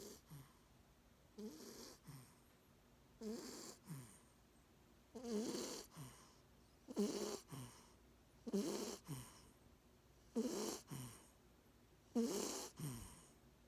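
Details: Baby sleeping in bed with mother, snoring: regular rough breathing, about eight snore cycles in fourteen seconds.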